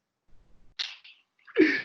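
A sharp intake of breath, then a single forceful voiced burst, fitting one sneeze. Room is quiet.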